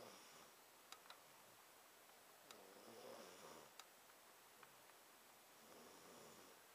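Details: A young child who skipped his nap, stayed awake from 1am to 5am and then fell deeply asleep snores rhythmically, with noisy breaths roughly every three seconds and small clicks between: snoring.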